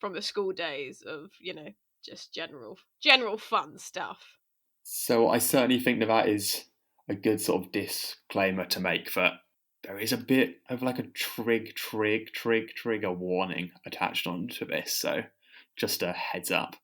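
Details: Stammering with part-word repetitions in a podcast co-host who has a stammer.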